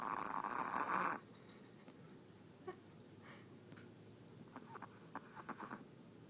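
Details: 12-year-old Chihuahua in deep sleep: faint, soft snuffling snores after a brief loud rustle; ordinary snoring.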